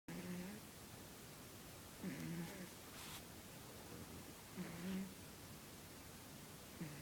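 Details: Soft, low rumbling snores, about one every two to three seconds, from Midnight, a cat asleep on a lap, against steady background hiss. Snoring.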